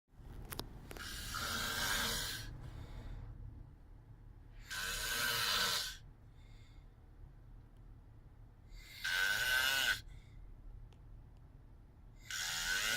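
Slow, harsh, rasping snores at about sixteen breaths a minute, with quiet pauses between them.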